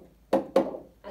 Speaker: así se va a escuchar cualquier soplo sistólico.